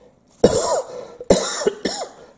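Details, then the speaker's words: Dry cough in an adult after saline nasal rinse irritated the throat: three short, harsh, dry cough bursts with no mucus rattle, followed by sniffing. "so you hear the dry cough now then you can hear me from sniffing"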